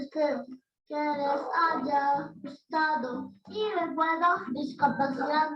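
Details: Delayed echolalia in a child, presented as an example of the kind usually seen in autism, with heard speech repeated from 30 seconds to hours or days later.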